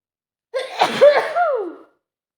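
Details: Woman sneezing repeatedly through the day, with watery eyes and itchy nose, possibly a cold: a single sharp sneeze, a quick intake then a voiced burst that trails off.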